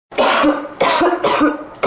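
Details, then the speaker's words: Acted coughing in a skit by an adult with a persistent cough, coughing up mucus: three quick forceful coughs and the start of a fourth. "If you're called a cough drop, then why am I still coughing? Oh, I guess this is just my life now. Coughing up mucus until I die."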